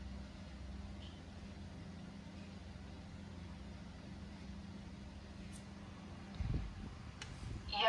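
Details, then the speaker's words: Steady low motor hum with brief handling noise: a Sinocare AES-U111 automatic digital blood pressure monitor cuff inflating, pump started before fitting, then tested on the user's own arm, noted as too small for the cuff. "langsung nyala kayak gini guys dia langsung ke pompa belum dipasang padahal kita coba ya di tangan kita"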